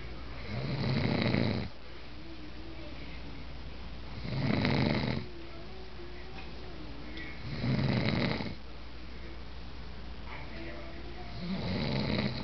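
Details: Adult man (father) sleeping: loud, rough inspiratory snores, about 17 a minute, with quiet breathing between; snoring.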